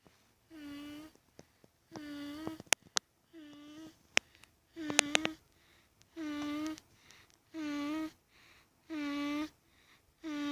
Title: Mini Snores. 11/4/17